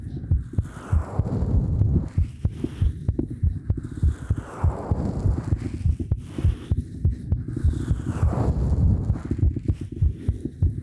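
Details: Binaural ASMR talking recording (3Dio Pro microphone): soft, regular low thudding heartbeat at about 100 beats a minute, muffled, with a low hum and faint rustling; heartbeat.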